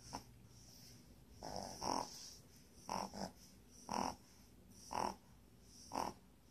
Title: puppy snores